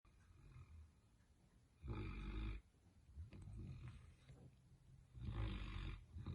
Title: Bentley is snoring like a man!